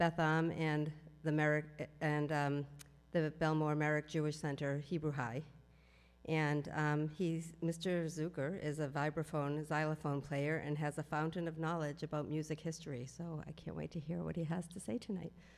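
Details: Adult woman speaking into a microphone; no voice disorder.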